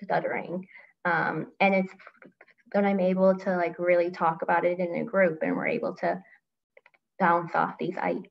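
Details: Adult woman who stutters and grew up as a covert stutterer, with part-word repetition; stuttering.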